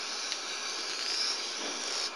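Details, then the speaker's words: Simulated oropharyngeal suctioning by a respiratory therapist during an open endotracheal suction checkoff: steady loud airy hiss of a suction catheter removing saliva and secretions from the back of the throat. "let me just clean out your mouth a little bit get some of that mucus it might be in there you slide this in those little pockets suctioning the patient's back of the throat the or appearance is often beneficial and removing excessive saliva and other secretions"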